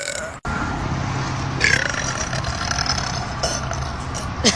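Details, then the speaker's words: A long, rumbling voluntary belch over steady background noise, with a brief higher gulping sound partway through. The burper likens it to skipping pebbles on a river. Burping. "a that sounded like skipping Pebbles on over on a on a river"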